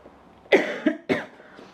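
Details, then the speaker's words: Adult who coughed a lot overnight and felt uncomfortable, on the day of an x-ray; two harsh coughs with a brief catch between them, in a quiet room. "night's sleep I was coughing a lot and I was just really uncomfortable"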